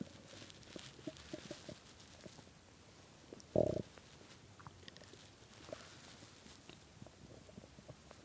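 Faint bubbling and gurgling with one short louder growl over low room noise; hunger stomach growling.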